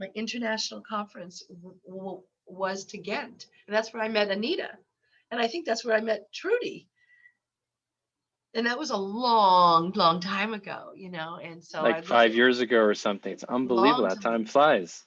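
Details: Adult woman with lifelong stuttering, currently more difficult with eye closures due to a cold and COVID after-effects; stuttering.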